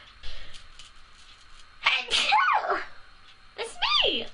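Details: A person who says she sneezes a lot: two loud, high-pitched sneezes with a brief pause between, over quiet room noise.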